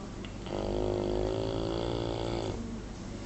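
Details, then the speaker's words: Snoring: one drawn-out, buzzing snore of about two seconds with a faint background hum. "זה בדיוק כמו אנשים, מתחיל לאט לאט ולגבור."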